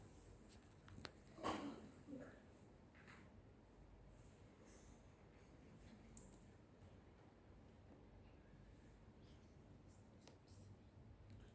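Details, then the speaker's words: Normal bowel sounds auscultated over the abdomen (audible in all regions, listened at one point for a full minute): a few soft, brief gurgles over a quiet abdomen, likened to the sound of poling a bamboo raft. "itu suara bising usus seperti kayak main getek ya"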